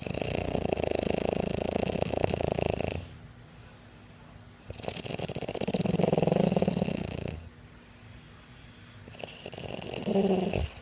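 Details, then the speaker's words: Loud snoring from a sleeper jokingly called an animal. "dito po sa Tabok matatagpuan natin ang isang klase ng hayop ang hayop humilik siya po ayar"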